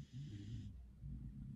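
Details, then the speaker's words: Snoring heard in the background while someone talks. "she's literally so snoring"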